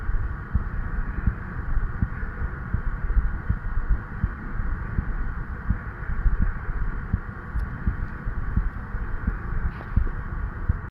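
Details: 36-year-old male's own heart recorded at the tricuspid valve area with an old stethoscope head, tubing and a lavalier microphone; steady, regular thumps at about 90 a minute over a low hum; normal heart sounds.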